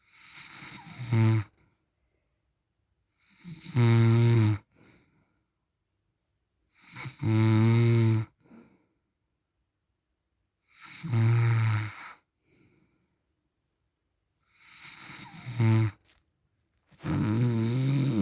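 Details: Real recording of an adult man (described as husband or dad) snoring in sleep: loud, rattling snores on each breath, about 17 a minute, with silent pauses between.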